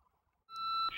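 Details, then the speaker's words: AED training demonstration: after clearing the patient and pressing the shock button, a steady electronic tone then a brief burst as a training defibrillator delivers a shock; CPR resumes afterward. "look up and down the entire patient then State we're all clear oxygen clear once the victim is properly cleared press the shock button"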